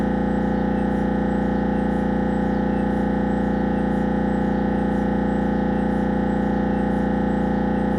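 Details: Siemens Magnetom Avanto head scan; loud, steady, rapid mechanical buzzing and droning at about 160 pulses a minute: MRI scanner gradient noise.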